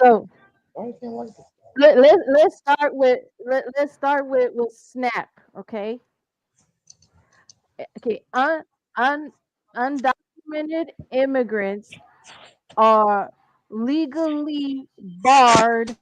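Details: Stuttering in a caller who asks listeners to bear with the stutter, with word and phrase repetitions and part-word repetitions while reading and discussing a bill.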